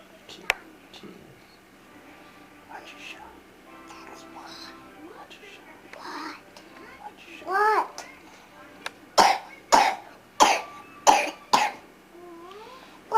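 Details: A sick young child coughs five times in short, sharp bursts, with a television-like background.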